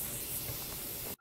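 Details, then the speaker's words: Nursing clinical-skills demonstration of airway suctioning: water drawn through a reusable rigid suction catheter (reusable up to about 24 hours) to clean it; steady rushing, hissing suction that cuts off abruptly. "Unlike the previous catheter, we can reuse this one for a few attempts, probably up to about 24 hours, whereas the others are single use, and we'll just clean it through with some"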